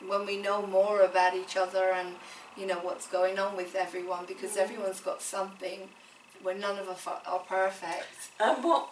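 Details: Adult woman speaking; typical speech.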